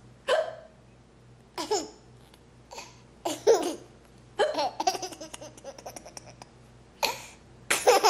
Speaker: i just have the hicups i don't know why that's so funny